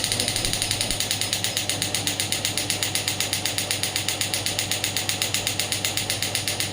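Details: Biotronix pneumatic radial extracorporeal shockwave therapy (ESWT) handpiece firing in a demonstration, run at low intensity on the hand and then off the hand at higher intensity; fast, steady mechanical clicking at about four pulses a second.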